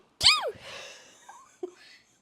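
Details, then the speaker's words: Adult woman's real sneeze despite trying to hold it in: single loud, sharp, high-pitched voiced rising-falling burst, then a breathy trailing exhale and a faint gasp. "No. Did you do that on purpose? That was a real sneeze? I was trying not to sneeze, and that's what happened."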